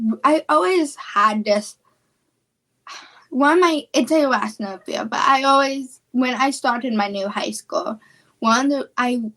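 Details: Female high school student with childhood apraxia of speech, a neurological speech disorder; childhood apraxia of speech.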